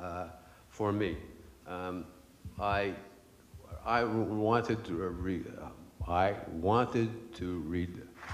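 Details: Adult man with aphasia after a stroke 10 years earlier, which he says made him lose his voice; aphasia.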